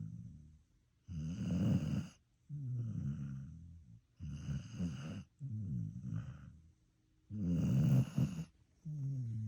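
Loud, low, rumbling snores in a steady rhythm, breathing in and out about every two seconds, from a sleeping dog.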